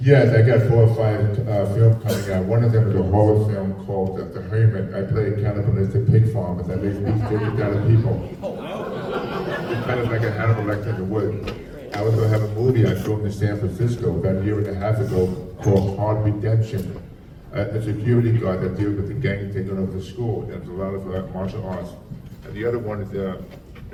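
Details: Adult male with profound hearing loss since childhood and a childhood speech impediment, trained in phonetics with a marble in his mouth, formerly wore two hearing aids, cochlear implant about 3.5 years ago: deaf speech (speech of profound hearing loss).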